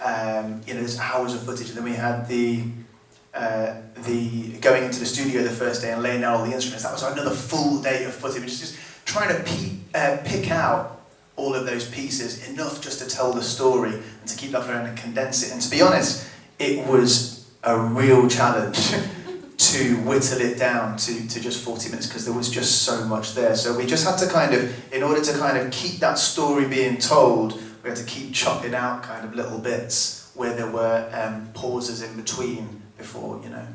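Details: Adult living with a stammer, one of six people who underwent vocal training for a music project, speaking at a Q&A; stuttering (stammer).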